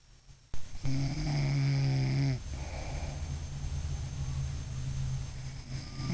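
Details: Mother snoring during sleep, having denied that she snores: one loud, low, rattling snore on inhalation, then quieter breathing in a small room.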